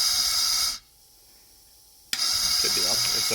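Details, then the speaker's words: An open-source replica ventilator: an Arduino switches a relay driving a sprinkler valve at 20 breaths per minute. Loud airflow hiss stops, pauses, then a valve click and the hiss resumes. "let me crank up the flourish you can hear a little bit better so valves activating at 20 breaths per minute and then it is coming out this valve"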